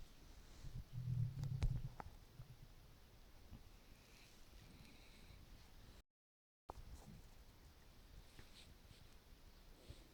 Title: Hungry stomach rumbling with water